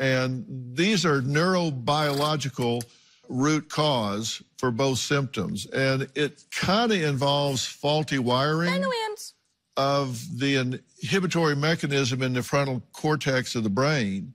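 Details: Adult speaker; typical speech.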